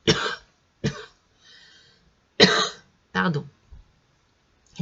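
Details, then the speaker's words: Adult whose throat suddenly turned itchy and who feels asthmatic and short of breath: a brief coughing fit of several harsh coughs with throat clearing between them. "moi j'ai la gorge qui me pique d'un seul coup [Musique] excusez-moi on dirait je suis asthmatique tellement euh j'ai du mal à respirer"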